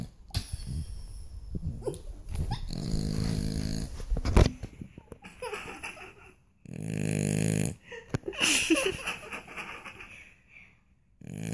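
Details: Snoring while asleep: irregular low, rattling snores with snorting and wheezy breaths amid room noise.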